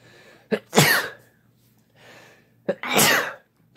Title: Sneezing and Blesses (M+F)